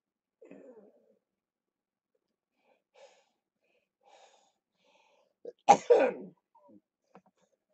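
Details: Mostly quiet breathing, then one forceful, harsh cough burst with a brief catch before it. This is a productive cough in cystic fibrosis during lower-lobe chest therapy, with rattling in the chest.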